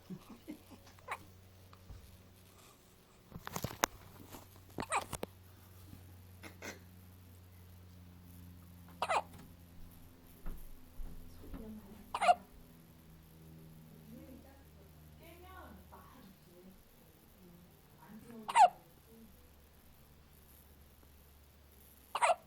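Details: Infant boy, one of twins, hiccupping: quiet, brief, sharp catches at irregular intervals, roughly nine a minute, in a calm room; hiccups.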